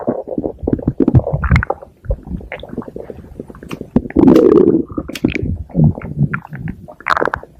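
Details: Stomach growling: irregular gurgles, squeaks and rumbles following one another closely, from gut activity.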